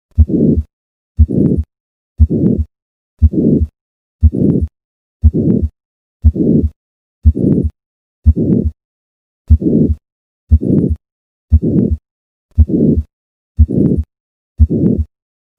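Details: Systolic murmur of hypertrophic cardiomyopathy heard at the 4th left intercostal space: regular heartbeat near 59 a minute with a long rough whooshing murmur filling each beat.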